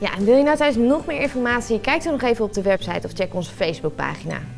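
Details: Adult woman speaking Dutch; normal fluent speech.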